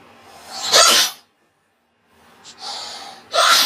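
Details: Two loud, sharp sneezes separated by a quick gasping breath; a reflex sneeze triggered by a nasal swab during a COVID-19 test.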